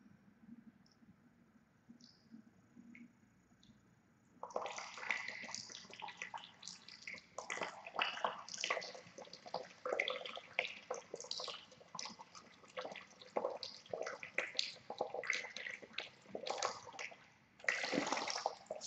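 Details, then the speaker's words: Jala neti nasal rinse with lightly salted water, leaning forward and sideways while breathing through the open mouth: irregular splashing and dripping as water starts draining out the other nostril into a sink. "Очакваме водата да изтече през другата ни доздра. Да започне да изтича. Ето тя тръгва."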